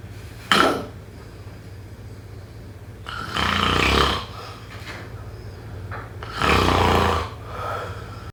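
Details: Three loud, rough, rattling snores a few seconds apart with quiet breathing between; typical snoring during sleep.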